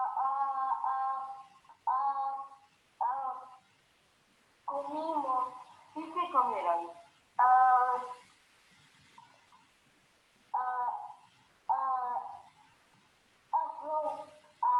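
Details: Boy with developmental stuttering (dysfemia) who uses marked force in each disfluency; the clip is an excerpt cut from a longer recording; developmental stuttering with effortful repetitions.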